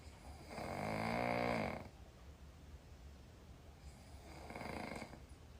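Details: Loud adult female snoring, tagged as possible sleep apnea: a loud, buzzing snore on the in-breath, then a quieter second snore.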